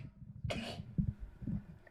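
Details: Male streamer who mentions having allergies, from a rapid sneeze compilation: a single sharp, hissing sneeze burst amid low room noise and soft thumps; sneeze.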